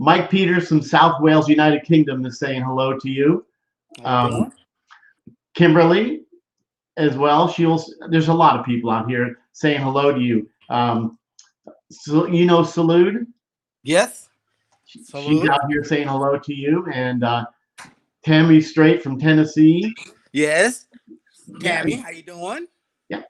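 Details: Adult male speaker; typical speech.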